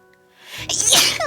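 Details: Sneeze from a compilation of a VTuber's sneezes: a rising inward breath followed by one explosive, hissy sneeze, with edited music playing in the background.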